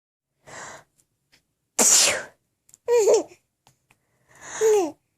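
A soft lead-in breath, then a sharp explosive sneeze, followed by voiced laughing bursts; an ordinary sneeze.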